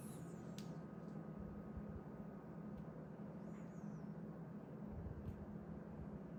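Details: Middle-aged man on amlodipine for high blood pressure takes his evening home reading: an automatic cuff inflates with a steady low motor hum and faint clicks. Reading is 124/73, with pulse slightly high after alcohol.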